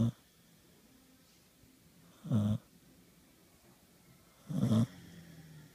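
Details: Sleeping dog in bed snoring, with another dog burping: two loud, low, rattling snorts a couple of seconds apart over quiet background.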